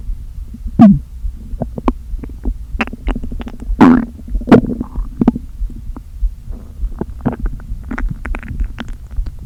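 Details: Stomach noises after not eating all day, with the stomach deliberately inflated a little: hollow groans and squeaky gurgles of shifting air, irregular over a steady hum; borborygmi.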